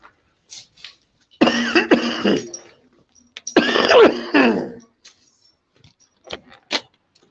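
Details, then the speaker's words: An adult man who says he forgot his medications gives two harsh, voiced coughing bouts of two or three bursts each, with throat clearing and quiet breaths between; a productive-sounding chesty cough that he says is still very bad. "i'm sorry i'm laughing oh you see you can hear my cough still very bad and uh i know why i forgot something take my long medications and you know that's not very very smart when you're called mats"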